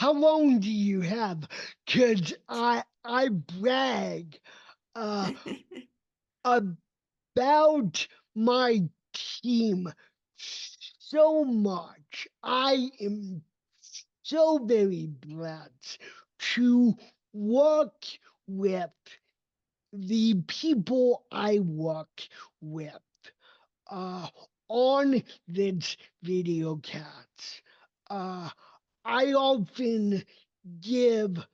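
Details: Adult male with cerebral palsy; speech did not emerge until age seven after extensive speech therapy and requires constant ongoing training; real, not acted; dysarthria.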